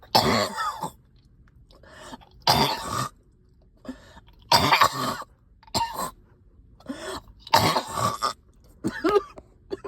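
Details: Coughing all night with stubborn sticky phlegm, heavy chest and headache: about six harsh, rattly coughs with throat clearing; a productive, wet cough.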